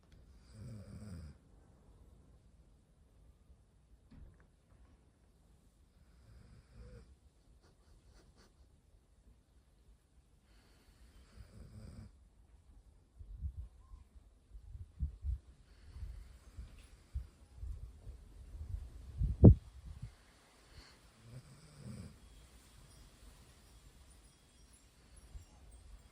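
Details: Golden retriever puppy asleep in a quiet room, giving soft, low, irregular snores and snuffly breaths for about a minute; snoring.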